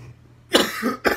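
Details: Two harsh coughs in quick succession from a sick adult worker in Riyadh, in a demonstration of a self-massage technique on the lungs and chest to stop coughing.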